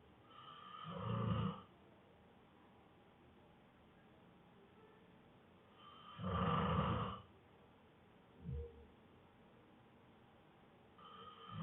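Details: Exhausted man asleep after a long workday, snoring heavily: loud rumbling snores on the in-breath, two full snores and a shorter snort, roughly one every five seconds; snoring.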